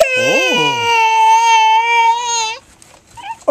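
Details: A 4.5-month-old infant boy's playful fake cough turns into one long, steady, high-pitched sad wail; he hasn't slept all day; recorded on a Flip Video camcorder; infant cry.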